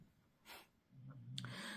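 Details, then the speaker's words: Dog snoring while asleep, said to snore like an old man: a short nasal snort, then a low rattling snore. "Это у меня там Зена храпит, не обращайте внимание, она храпит, как старый дед."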